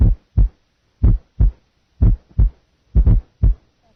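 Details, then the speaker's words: Simulated fourth heart sound: first only S1 and S2 are heard, then an S4 gallop is added before S1. "listen now to our fourth heart sound initially only s1 and s2 will be heard then an s4 will be added this is s1 s2 s4 and this is s4 this is s4"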